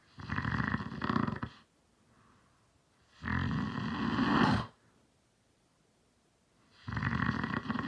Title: my dad snores